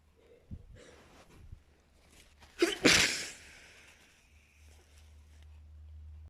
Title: extremely desperate sneezing and wet nose blowing